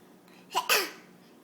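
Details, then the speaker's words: A single abrupt catch of breath followed by a short squeaky burst against quiet room noise; hiccups. "why are you making that noise what is that sound it's theups you have the hiccups"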